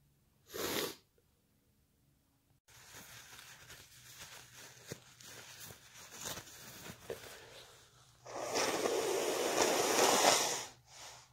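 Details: wet, muffled sneezes with sniffling, rustling and nose blowing in between; a short muffled burst then a longer wet sneeze; ordinary sneezing.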